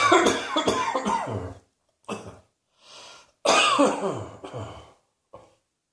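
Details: Repeated coughing: a run of several harsh, loud coughs in clusters, separated by short pauses and a quiet breath.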